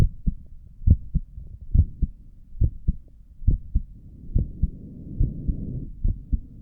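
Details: Own heartbeat recorded by stethoscope while sitting at a desk for five minutes: steady paired lub-dub at about 70 beats a minute, with a faint low rumble of stethoscope noise partway through; normal heart sounds.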